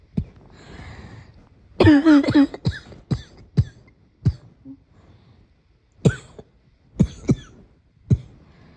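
A run of harsh cough bursts, then about eight more single coughs spaced over several seconds; a morning cough.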